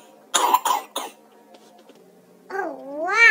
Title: Listen To My Cough